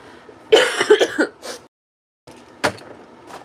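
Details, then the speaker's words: A short run of rough, slightly wet coughs, then one more after a pause; the speaker has been sick nearly two weeks, feels terrible, is about to take medicine, reports no known fever and wonders if it is COVID. "And also, excuse me, but I'm sick and I'm going to be drinking my C beverage while I wake up. I I slept until 1:00 because I feel like garbage. And I will be coughing when I go on panel like I went last night."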